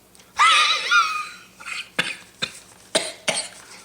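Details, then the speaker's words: Adult man laughing, likening his laugh to Mutley the dog, with a drawn-out, wavering laugh-like sound then four short, sharp coughs, which he calls wheezing because he's old. "now I'm just wheezing cuz I'm old"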